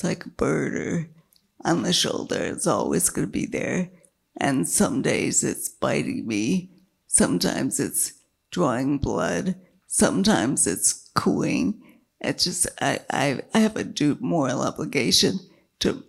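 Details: Dysphonia with a weak voice in a woman with multiple sclerosis whose failing diaphragm makes keeping her voice a struggle; she earlier lost speech totally from a brain lesion, had brain surgery, and slowly regained speech and word-finding.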